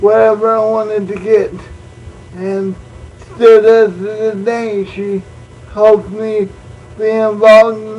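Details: Adult man born prematurely with cerebral palsy, uses a wheelchair, also reports dyslexia and dyscalculia; no effect on speech described; speech in cerebral palsy (possible mild dysarthria).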